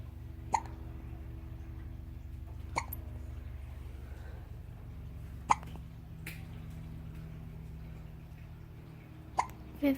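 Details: Newborn baby, 13 days old, with hiccups: soft, brief hiccups recurring every two to three seconds, five in ten seconds, over a low steady hum.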